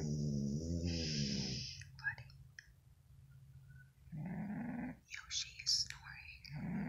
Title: Cat snoring